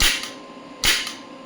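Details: Horizontal electromagnetic ESWT shockwave therapy applicator fired on the operator's own elbow joint at 1 Hz, energy raised from 5 up to 65 mJ: sharp snapping pulses about once a second over a steady fan hum.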